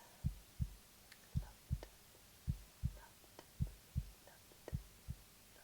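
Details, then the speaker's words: Simulated roleplay nurse exam of a bedbound patient breathing normally, stethoscope over the heart: steady lub-dub about 55 a minute with soft background hiss; normal heart sounds. "I'm going to go ahead and listen with a stethoscope, and first I'm going to listen to your heart."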